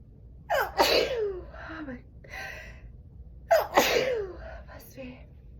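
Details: Two sneezes, each with a sharp preparatory inhale and a loud voiced burst, in a quiet room.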